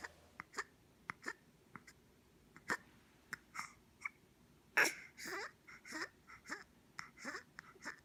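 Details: Newborn girl with Pierre Robin Sequence, within her first six weeks, has breathing difficulty as her tongue blocks the airway before she is repositioned face down; phone recording: upper airway obstruction noises.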